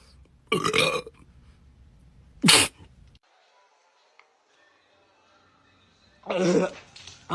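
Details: Three loud, throaty burps separated by pauses, with faint background sound, during a Sprite drinking challenge; burping.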